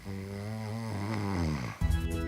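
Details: Adult snoring during a night's sleep in a test of anti-snoring devices (ring, bracelet, face strap), device use in this clip unclear: loud low buzzing snore on a steady breath, then a harsher rattling snore, faint background music.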